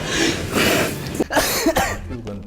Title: Kompilasi Batuk